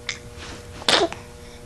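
A faint intake followed by one sharp, hissing burst over a steady background hum, a single sneeze.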